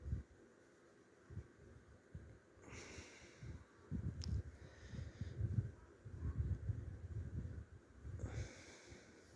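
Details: Low, rough snorting rumbles in uneven bursts, with brief bedding rustles between them, from restless sleep: snoring.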